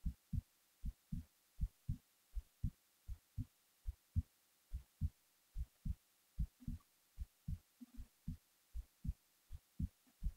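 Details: Heartbeat recorded while the person was falling asleep: steady low thumps at about 75 beats a minute, at rest.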